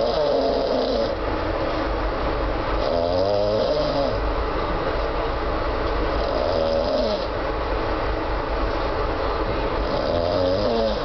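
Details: Man snoring on a train from Mumbai to Goa; low rumbling snores recurring every few seconds over loud, steady train rumble.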